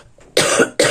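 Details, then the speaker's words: Two sharp, harsh cough bursts in quick succession from an adult woman whose cough has not passed, having recently recovered her voice. "Je m'excuse, ma toux n'est pas passée, et même si j'ai retrouvé ma voix , elle me manque tellement."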